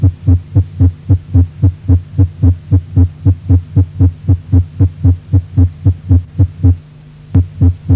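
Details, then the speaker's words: Supraventricular tachycardia, very fast regular heartbeat near 220 a minute, with brief pause then rapid beating resumes during vagal stimulation by carotid sinus massage or Valsalva maneuver. "el estimulo vagal por masaje del seno carotídeo o por maniobra de valsalva en lentes del hasta que arritmias supraventriculares y en algunos casos permite su reversión a ritmo sinusal"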